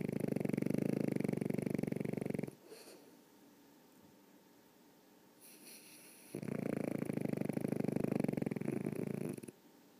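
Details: Sleeping animal snoring: two long rumbling, fluttering breaths a few seconds apart with quiet between; snoring.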